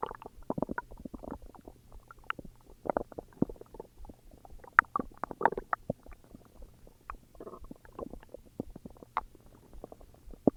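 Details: Self-recorded stomach growls: irregular gurgling and bubbling rumbles from the belly throughout; ordinary borborygmi from normal gut movement.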